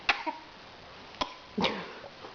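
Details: Person talking, then coughing, during casual conversation.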